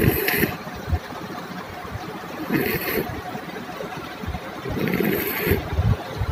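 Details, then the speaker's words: Sleeping child with low-pitched snoring only during sleep: repeated rattling snores, about three in six seconds. Nasal endoscopy showed enlarged adenoid tissue behind the nose; obstructive snoring from adenoid hypertrophy. "like we hear in this video this child has a low pitched snoring sound which happens only during sleep"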